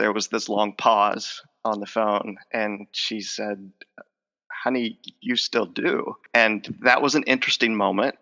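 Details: Stuttering in an adult male with a lifelong stutter involving blocks, repetitions and covert stuttering, who says his stutter is emerging as he talks in conversation.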